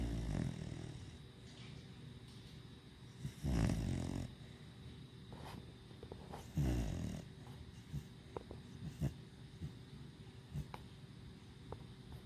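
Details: Vito, a dog, snoring: deep, low rumbling snores a few seconds apart with faint clicks over quiet background.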